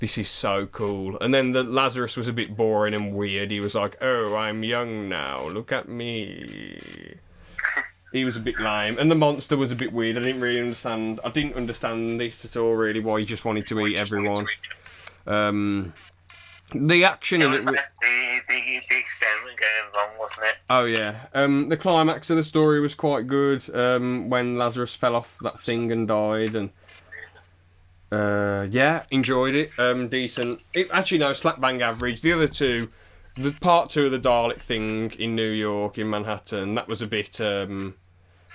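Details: Stuttering (stammer) in a podcast co-host who still stammers, with repetitions of words or sounds and noises lasting a few seconds.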